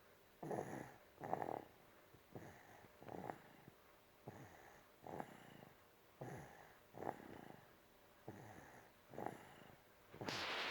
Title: Snoring 💤 8 mos old & 5 days | 6.2.19